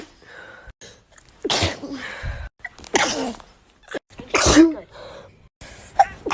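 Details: A woman's sneezing bout: three sharp, explosive sneezes in quick succession, each preceded by a brief inhaled breath, with quiet breathing between them.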